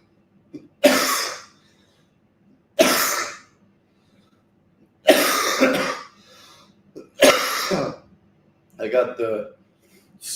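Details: Four harsh, forceful adult coughs about two seconds apart, then a shorter throaty burst like throat clearing, during a morning workout after being sick; a deep, rough smoker-like cough.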